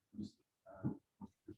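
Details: A dog snoring loudly in the background during a live webinar while a person speaks; snoring.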